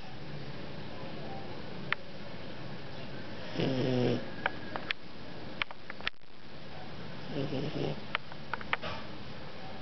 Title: Snoring - Chinese Shar Pei